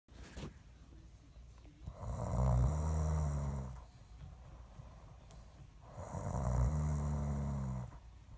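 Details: Man snoring during sleep: two long, loud rattling snores on the in-breath, about 15 breaths a minute, with quiet between them.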